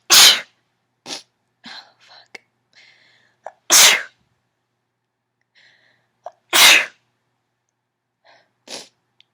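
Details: Allergy sneezing fit in a female: three forceful sneezes with mostly stifled small sneezes and lots of sniffling between, some too powerful to hold in.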